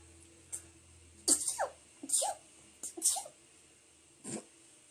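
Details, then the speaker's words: Adult woman sneezing repeatedly (tagged allergic rhinitis): four sharp, high sneezes, each preceded by a short catch of breath, then a softer final burst. "Perdón. Gracias, Marc. Gracias. [ __ ] mi estornudo parecía Pikachu."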